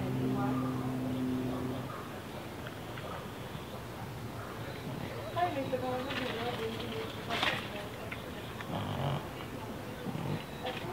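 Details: Deaf cat with neurological and breathing problems, snorting while awake: irregular pig-like snorts and grunts of noisy, obstructed breathing; snorting respiratory noise while awake.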